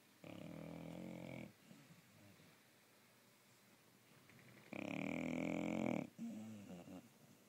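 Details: Tasha, a dog, sleeping and snoring: two long, buzzing snores on inhalation with quiet breathing between.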